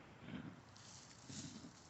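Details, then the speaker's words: Pig with a respiratory infection/pneumonia, treated with LA-200 (doxycycline), had nasal discharge and a bad wheeze and is now improving; two low, wet, rattly, "choggy" congested breaths. "They don't really have a way to like blow their nose or get stuff out real easy, and pigs have small lungs, so they can go downhill real fast with respiratory issues. You can hear her kind of sounding a little choggy"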